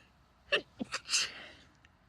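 A few short, muffled, stifled sneezes with sharp bursts of air, then a softer breathy release.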